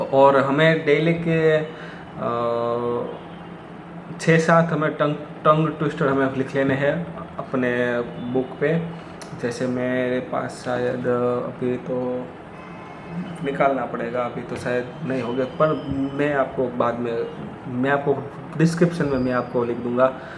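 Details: Hindi-speaking man with self-reported stammer, practising daily with tongue twisters; some words come out unclear; stuttering.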